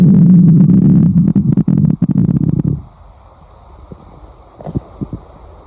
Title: Gurgling Sounds